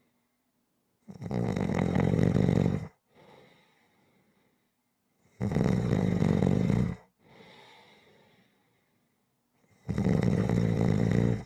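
Loud, rough, rhythmic snores on each in-breath, each followed by a softer breath out, roughly every four seconds.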